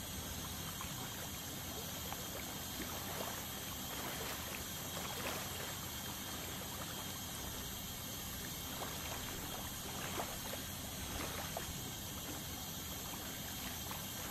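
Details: Ultrasonic dental scaling during a dental cleaning to remove tartar: continuous high hiss and spray with gurgling suction.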